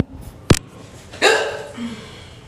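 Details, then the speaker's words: Adult with frequent, long-standing hiccups, described as painful and impossible to hold in: a single sharp, abrupt hiccup, then a breathy vocal noise, with faint room noise. "Because they're the kind that you can't even hold in because they're so hurtful."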